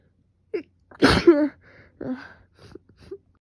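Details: Sneezing fit: quick intake of breath, then a loud explosive sneeze, followed by softer sniffs and breaths.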